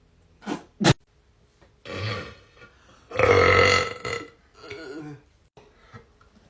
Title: Burp contest